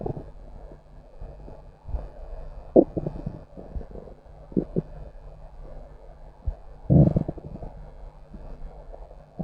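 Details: Low gurgling and rumbling that comes and goes, with a louder growl near the end; ordinary stomach growling, bowel sounds.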